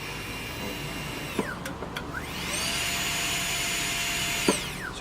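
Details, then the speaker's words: Saeyang Marathon N7 brush dental lab micromotor with SH37LN handpiece on foot pedal, set to about 20,000 rpm: high-pitched whine drops, then rises smoothly and holds steady at the set speed as the pedal is pressed. "so half about 20,000 rpm and as you slowly press down it will peak at the speed you've set there"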